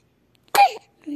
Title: Baby's first sneeze